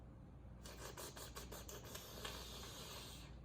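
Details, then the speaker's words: Nasotracheal suctioning demonstration on a practice airway model: catheter advanced until cough or resistance, then thumb applied to wall suction, giving a steady hissing, sucking rush with pulsing gurgles. "i'm going to advance the catheter until the patient begins to cough or i meet resistance and when that occurs i'm going to apply my thumb"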